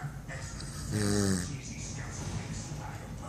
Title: bro snore 2014 10 12 07 27 29